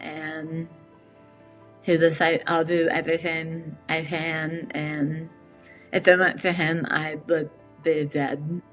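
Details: Adult woman with metastatic squamous cell carcinoma of the tongue, misdiagnosed for about five months; after a 12-hour surgery removing 70% of her tongue, reconstruction, radiation and chemotherapy, she relearned speech with a speech therapist: articulation impairment after partial glossectomy.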